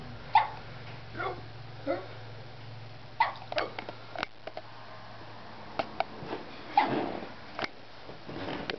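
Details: Dog with hiccups: repeated short, abrupt gulping catches several seconds apart in a quiet room.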